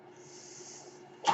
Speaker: That noise you're hearing is my ventilator, and welcome to Page Turners They Were Not, my Star Wars podcast.